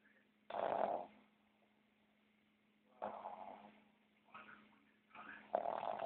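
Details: Snoring with eyes open: rough, fluttering breath noises recurring every few seconds between quiet pauses, with a steady faint hum in the background.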